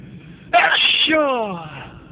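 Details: Sneeze: a single sudden explosive burst of air and voice, falling off quickly in pitch.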